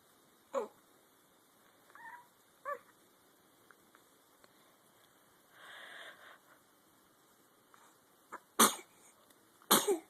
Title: Baby sneeze